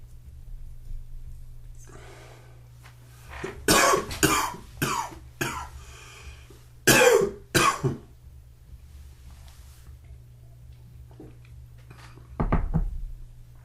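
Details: Typical morning of coughing, sneezing and sniffling: about six harsh coughs close together, then a lone throat-clearing cough after a pause, over low room hum.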